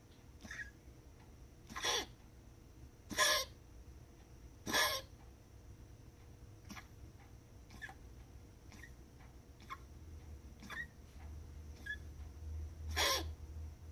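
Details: Cough from a cat: four short, sharp, hacking coughs at irregular intervals, with smaller faint catches between them.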